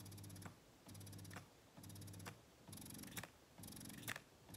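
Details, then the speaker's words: Spectra S2 electric breast pump in expression mode, vacuum raised from level 2 to 3: steady rhythmic motor hum with a click each cycle, about 66 cycles a minute; the backflow-protection pump speeds up. "when you have the flow coming through that's when you press the button which is what I just did and you'll notice that this backflow protective pump begins moving faster we can adjust the vacuum to two and you see the increased speed this is three"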